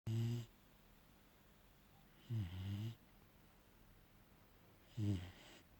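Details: Sleeping puppy, Labrador–German Shepherd mix: three low vibrating snores about two and a half seconds apart over steady room hiss.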